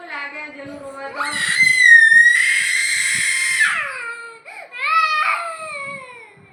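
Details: A 2-year-old toddler cries loudly in long wailing bursts rising into high screams, then settling into shorter sobs; toddler crying.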